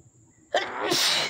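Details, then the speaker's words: One forceful sneeze with a quick breath in before it, part of a loud sneezing fit set off by dust after an itchy nose all day; it almost knocked the sneezer over. "oh, that one almost knocked me over."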